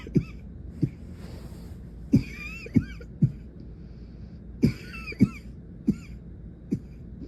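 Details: Night-time coughing fit in a girl lying in bed, face pressed into her pillow: repeated short, muffled coughs, about nine in seven seconds, some in quick pairs, lasting much of the night.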